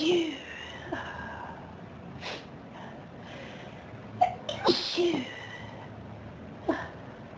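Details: Dust-triggered sneezing fit: a run of several sharp sneezes with quick intakes of breath between them.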